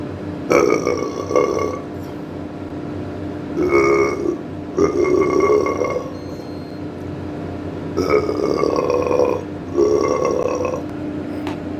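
Five long, loud, rumbling burps over steady background hum.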